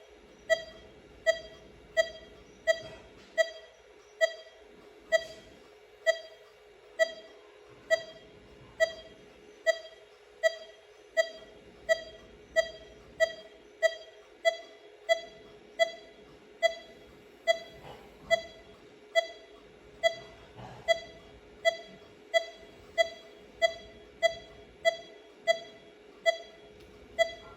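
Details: An adult male participant is connected to a heart-rate monitor that beeps with each beat at about 75 a minute; over three breaths the rate rises on inhalation and slows on exhalation: normal respiratory sinus arrhythmia.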